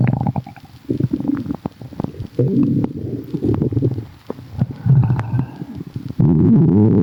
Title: bubbles🫧🫧 | stomach rumbling